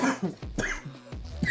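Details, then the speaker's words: A really bad cough with a squeaky-toy quality. "my God sorry about that boys dude when I'm coughing when it's a really bad cough that's why I sound like a squeaky toy"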